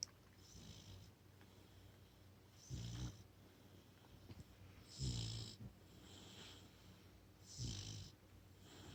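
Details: Brindle Boxer puppy snoring after a long walk and dinner: low rattling snores on each breath with soft hissing exhales, about 20 a minute; ordinary sleep snoring.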